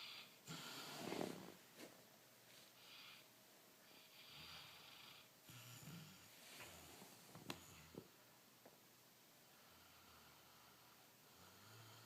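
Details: Sleeping Bernese/Labrador dog snoring: soft, irregular snuffling and snorting breaths with a rattling edge.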